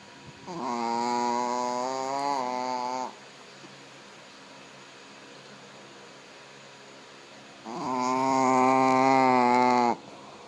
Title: Jaffa Snoring